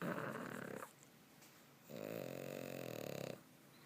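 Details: Pug asleep: loud, rumbling, vibrating snoring breaths separated by a quiet pause; owner jokes she is possessed or just sleeps funny.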